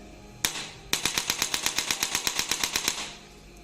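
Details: Rapid train of sharp clicks, roughly twenty in two seconds: a digital electric chiropractic adjusting gun (up to 1100 N) with its second attachment firing repeatedly in the third mode, with more power and speed.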